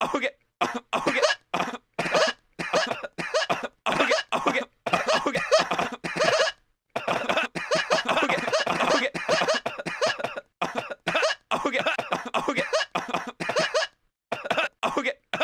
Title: coughing for 64 seconds